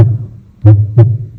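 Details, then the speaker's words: Normal heart sounds at the tricuspid point, at the base of the xiphoid process or fourth intercostal space, during a cardiovascular examination demonstration, with S1 louder. "And last one is tririccastpit. This basis of cyhoid process or you can uh listen sound on force inter coastal space."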